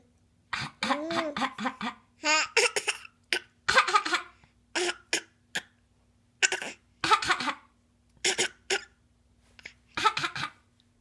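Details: Child making a string of short, deliberate voluntary (fake) coughs mixed with voiced, laugh-like sounds.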